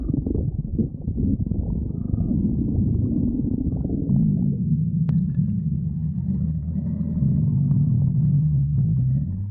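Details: Continuous low gurgling rumble with shifting bubbly tones and a brief click; stomach growling (borborygmi).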